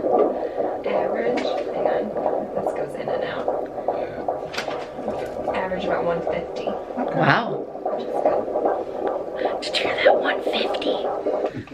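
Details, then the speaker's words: Fetal heartbeat on a Doppler at an OB-GYN visit: a fast whooshing pulse within steady hiss and room noise, as a parent voices joy. "no I just get so happy when we can hear the heartbeat"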